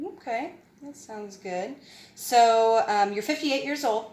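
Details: Adult woman; typical speech.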